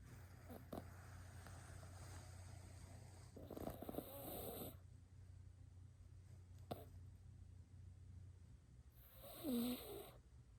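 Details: Soft faint breathing with two gentle snoring breaths over a low hum, from a cat asleep on a couch, described as snoring loudly; snoring.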